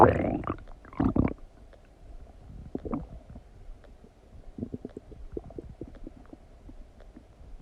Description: Stomach digesting noises after eating some donuts